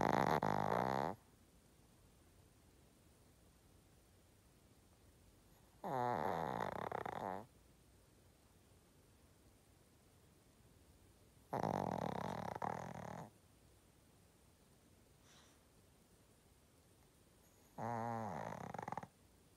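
Rattling snores about every six seconds, roughly ten breaths a minute, each lasting one to two seconds over steady room hiss; snoring.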